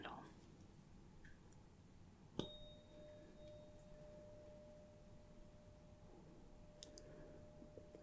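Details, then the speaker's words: Simulated ASMR role-play hearing exam, Weber test: a tuning fork struck with a sharp click and placed on the middle of the forehead, giving a steady pure tone that slowly fades; tuning fork tone. "so I'm going to strike the tuning fork and put it in the middle of your forehead if you could just tell me whether you hear it more on one side the other or right in the"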